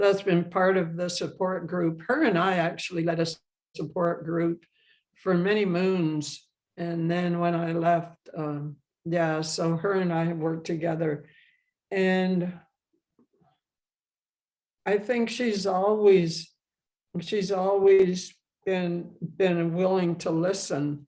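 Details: Adult woman who has stuttered throughout her life and has had speech therapy and support-group experience, speaking in English; finding: stuttering.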